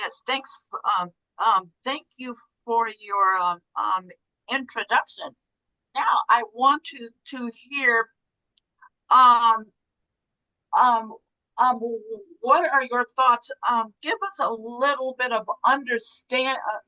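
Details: Person who stutters and says he had stuttering issues since childhood; the finding is stuttering.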